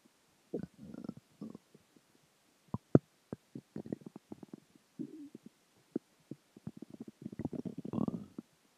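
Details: Repeated low gurgles and pops from the belly from a combination of dinner, water, and gas moving through the gut; borborygmi.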